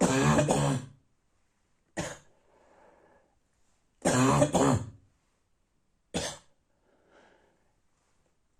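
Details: Barking cough.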